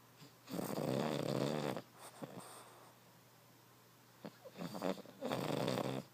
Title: Snoring Derp